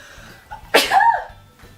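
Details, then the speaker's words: Person who says she is very sick after a trip: a single sharp sneeze with a quick intake of breath, then an explosive burst that trails off. "I'm sorry you guys I am so sick"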